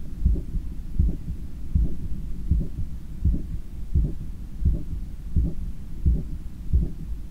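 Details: Own heart sounds heard by stethoscope after a 10 km run, lying on a daybed on the left side while trying to control breathing: strong, regular lub-dub beats at about 86 per minute, a normal heartbeat after exercise.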